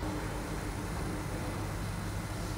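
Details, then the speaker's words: Steady low mechanical hum of a small electric motor as the remote control raises or lowers the leg rest of a Lucass JASS S50 reclining electric wheelchair. "Đây là cái bộ điều khiển của chiếc xe điện lucas50 có tất cả các nút này chúng ta có thể nâng hạ này ngả lưng đây và phần nâng hạ phần chân"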